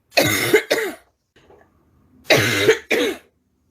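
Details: A woman has a persistent cough that worsens at night. Two pairs of harsh, loud, hollow barking cough bursts are separated by a quiet pause: a barking cough.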